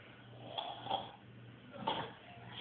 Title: Roncando